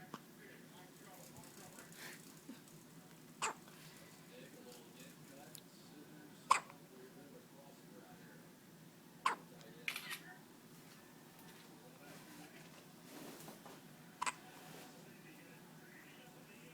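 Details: Someone's first-ever hiccups: soft, abrupt hiccup sounds at irregular intervals, about five in seventeen seconds, over quiet room noise.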